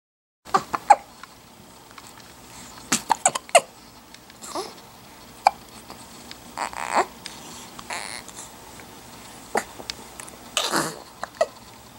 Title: Dueling Hiccups